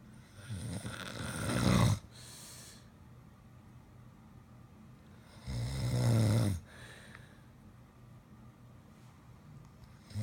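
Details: Two loud, rough, low-pitched snores about four seconds apart with quiet breathing between them, in a small quiet room; a husband and a German Shepherd dog snoring at the same time.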